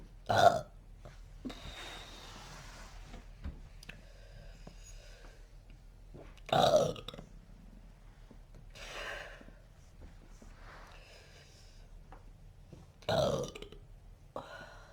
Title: Burping turns to uncontrollable hiccup attack